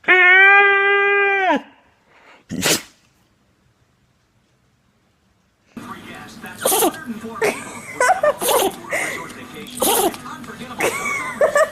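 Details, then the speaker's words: Puppy sneezing: a short high whine, then a single sharp small sneeze, with people laughing and talking in the room. "Oh, I'm sick. He sneezed on me."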